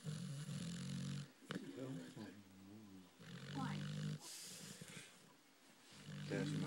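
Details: Dixie snoring: low rumbling breaths with growly, throaty vibration and brief squeaky noises in between.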